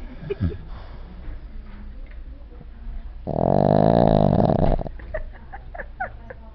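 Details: Dog snoring like an old man: one long, loud, rumbling snore on a breath amid soft room sounds and quiet breathing.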